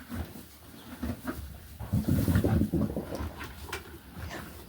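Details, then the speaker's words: A mare eating a meal has low rumbling and gurgling from her belly, loud enough to hear across the room: normal equine gut sounds (borborygmi) of active digestion. "Her stomach's going gurgle, gurgle, gurgle. Usually I stick my ear to her tummy every day to make sure there's gut sounds in there every day, but today I didn't have to. I could hear them from across the room."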